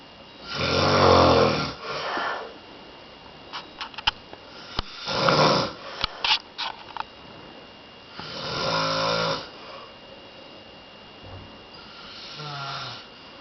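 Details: A man sleeping and snoring: repeated rough, rattling snores with quiet gaps between them, about 14 breaths a minute, in a quiet room.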